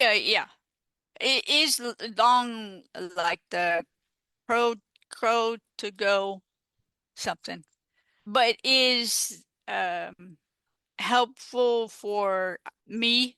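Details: Adult female stroke survivor with aphasia caused by stroke, in recovery, who uses an app; aphasia.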